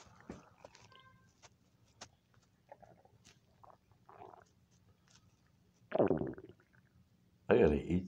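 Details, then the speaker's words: A person's stomach rumbling on a Sunday in a quiet room: faint, irregular gurgles and low squeaky rumbles, like ordinary hunger noises, with two short bursts of speech. "It's Sunday and my stomach's making noise. Well, it was making noise."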